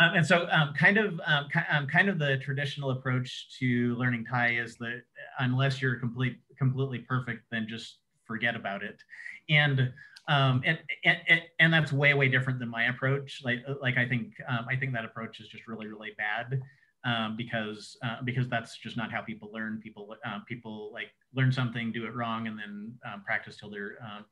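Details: Adult who says he has cluttering, a fluency disorder contrasted with stuttering; cluttering.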